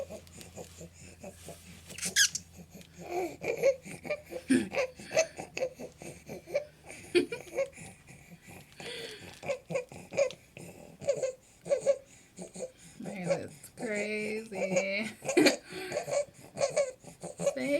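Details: Infant making repeated high-pitched, squeaky noisy breaths with baby vocal sounds; baby with stridor.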